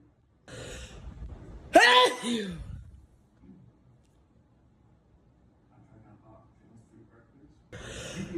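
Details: Sneezing fit, one of two: a sharp, loud sneeze after a short breathy build-up, then quiet, then the start of another in-breath or sneeze.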